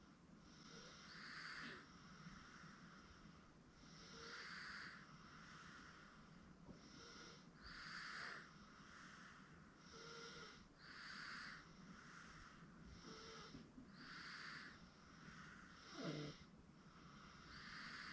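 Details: 8-month-old girl asleep on a futon; soft, regular noisy breathing with light snoring sounds, about six breaths, over steady room noise. Infant snoring.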